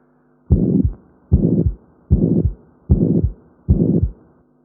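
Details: Regular heartbeat at about 76 a minute, with a harsh whooshing sound filling the space between the two sounds of each beat, a heart murmur.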